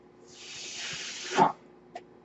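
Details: Person's own mechanical ventilator heard during spoken commentary: a steady airy hiss builds for about a second, ends in a louder puff and faint click, one full ventilator breath cycle.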